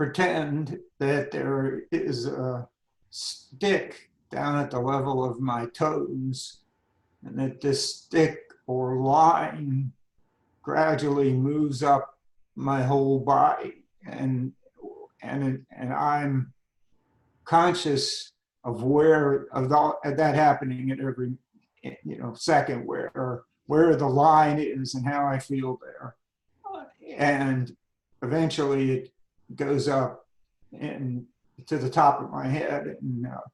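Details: Adult man with spasmodic dysphonia diagnosed at age 51, managed without Botox through practice and workarounds; he finds talking tiring and some words take great effort; spasmodic dysphonia.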